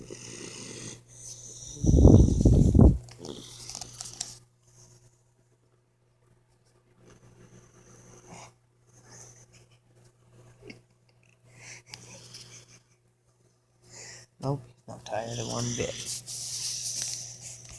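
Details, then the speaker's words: Boxer puppy sleeping: loud, rough, rattling snorts separated by quiet gaps, with some room noise. Snoring. "Listen to this puppy snoring. You comfy?"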